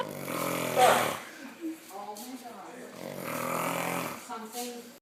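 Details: A man snoring: two long, loud, vibrating inhaled snores with softer throaty sounds between them.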